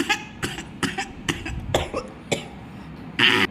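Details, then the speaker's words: Adult woman with two weeks of sore, hoarse throat and cold gives a run of about seven short, dry, hacking coughs in quick succession, the last loudest; persistent dry cough. "இப்படி தான் இருமலால் தொண்டை வலியில் நான் ரொம்ப கஷ்டப்பட்டேன்."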